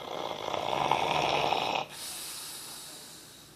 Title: Snoring bulldog